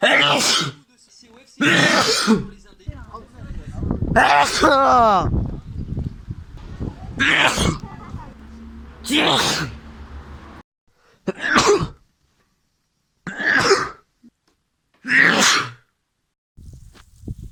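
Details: A run of about eight forceful sneezes separated by brief pauses and indrawn breaths; a bout of repeated sneezing.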